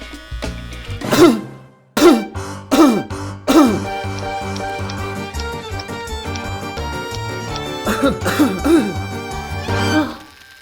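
An adult man gives a string of short, harsh, voiced coughs and throat clearing, acted, with background music throughout: repeated coughing.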